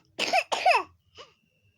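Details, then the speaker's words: Two sharp, harsh coughs then a softer third from a sick child, seen by a doctor, coughing so much that the child cannot sleep at night. "উফ, দেখেছো বন্ধুরা কেমন বাচ্চাটা কাশছে।"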